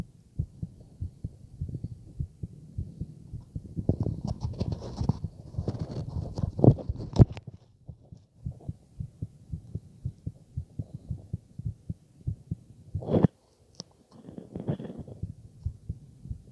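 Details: Stethoscope heart auscultation: steady, low thumping normal heartbeat, with bursts of rubbing noise from chest-piece movement.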